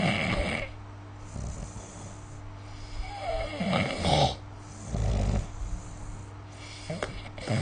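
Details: Snoring during sleep recorded with the SnoreLab app; snoring.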